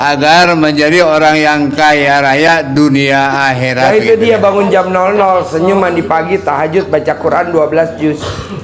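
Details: Adult man speaking Indonesian; normal speech.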